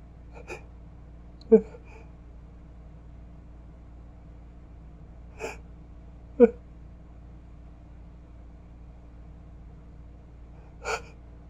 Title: Obnoxiously stuck sneeze